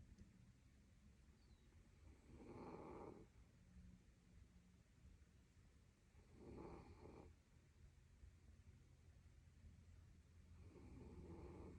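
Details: Dog snoring in sleep: soft, rough snoring breaths recurring about every four seconds over low background noise.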